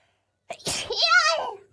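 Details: The VTuber sneezes during a stream: a short intake, then a sudden burst and a voiced trailing "choo", one sneeze, followed by "bless you".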